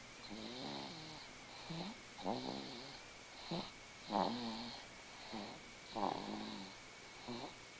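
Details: Six-month-old infant girl, exhausted after her 6-month vaccinations that day, sleeping in her father's lap; soft, regular buzzing snores at about 30 breaths a minute over steady room noise; snoring.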